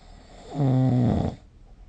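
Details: Snoring recorded during sleep with the SnoreLab phone app: a single loud, low, rattling snore lasting under a second, rising out of quiet room noise and fading back.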